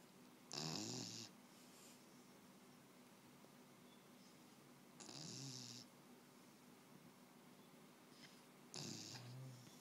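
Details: Sleeping beagle: three rough, rattling snoring breaths, each with a short snort, about four seconds apart over quiet room noise; dog snoring.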